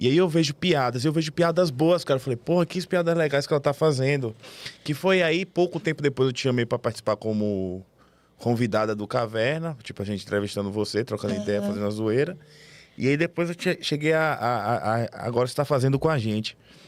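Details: Adult man speaking; normal voice.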